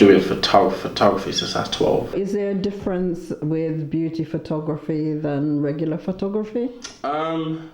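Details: Adult man speaking; normal speech.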